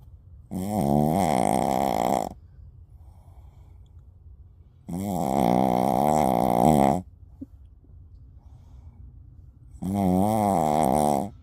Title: Shih Tzu Snoring Loudly